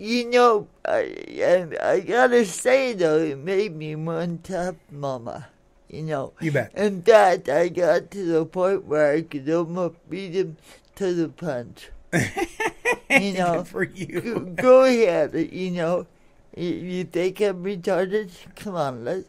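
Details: Adult woman born in 1959 with cerebral palsy caused by oxygen deprivation to the brain during a delayed birth; it affects her speech and motor skills, and some listeners find her hard to understand; dysarthria (cerebral palsy).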